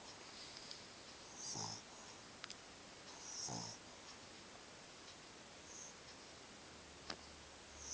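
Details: Male snoring in sleep: soft low rattling snores about every two seconds against a quiet room hiss, with a few faint clicks.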